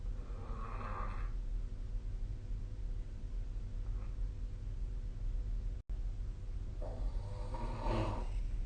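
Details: Soft, low, rough snoring breaths several seconds apart over steady room hum during sleep; snoring.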